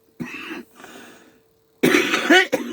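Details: Several sharp, harsh coughs from an adult speaker with a faint steady background hum, coughing while talking about job hunting; cough.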